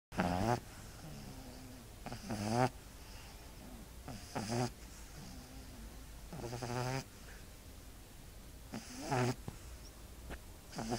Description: Dog snoring